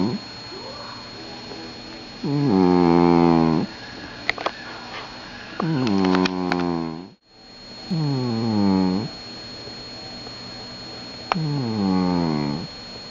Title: JACK THE SUPER SNORING CAT